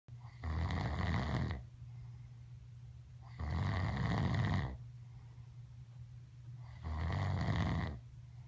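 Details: Adult man (father) snoring: three loud, low, rumbling snores about every three seconds, roughly 20 breaths a minute, quieter exhalations between; heavy snoring.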